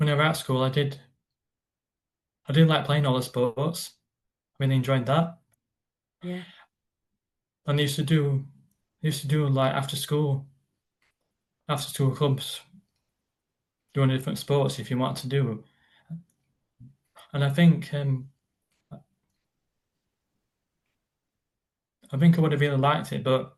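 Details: Adult man with a stammer present since childhood; stuttering (stammer).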